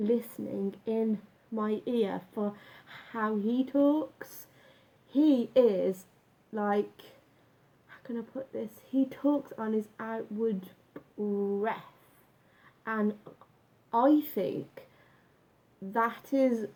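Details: Adult man with a stammer since about age nine after school bullying, much worse when younger, now slight; had breathing-focused speech therapy and still practises the techniques; stuttering.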